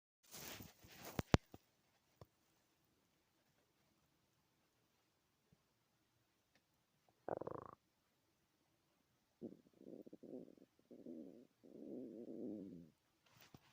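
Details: Loud stomach growls (borborygmi): gurgling, rumbling bursts with quiet gaps between, normal bowel sounds.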